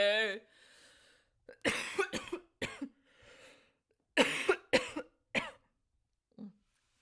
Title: full on chest voice 🔥 vocal improv, coughing included